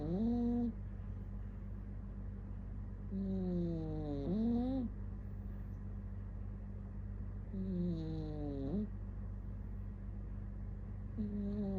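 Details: Slow, rhythmic nasal snoring from a cat, with a faint squeaky whistle on each breath over room hum, about five breaths a minute; snoring.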